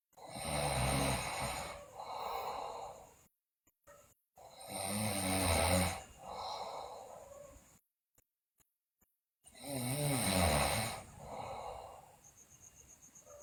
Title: Sleeping Girl Loudly Snore, Bruxism, Delirious